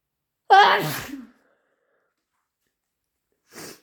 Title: Really intense induced sneezing fit